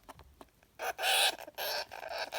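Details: Syrian hamster with suspected anger issues making shrill, harsh squealing bursts, an angry or defensive scream; owner recorded the odd noises.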